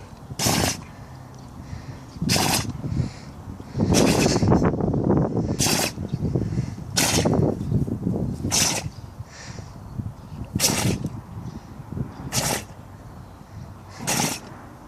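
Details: Tibetan mastiff sneezing: a run of about nine sharp, explosive nasal bursts, roughly one every one to two seconds.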